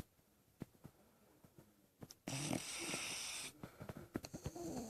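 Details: Snoring while relaxed at rest: a soft, fluttering snore with short snorting puffs and a louder hissing breath partway through.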